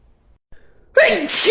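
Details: Brief indrawn breath, then a single loud, high-pitched sneeze from a girl.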